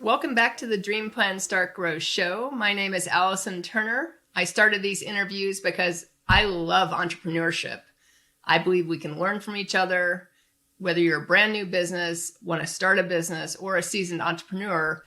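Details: Adult woman speaking; Normal speech.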